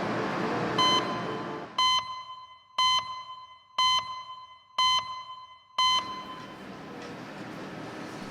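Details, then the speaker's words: Regular tonal beeps about once a second over steady room hum from a CT scanner scanning a 53-year-old man 3 hours after a motorbike crash, arm in a cast and pain controlled; scans showed no organ damage. "With his arm in a cast and his pain under control, he can now be scanned."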